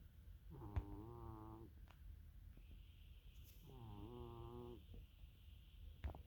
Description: this is my cat diva princess snoring loudly in my home spa from Amazon.